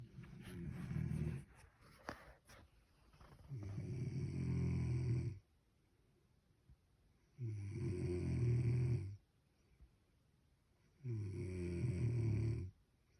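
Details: Loud, low, rattling snores on each in-breath, about 16 a minute, with quiet pauses between. Snoring.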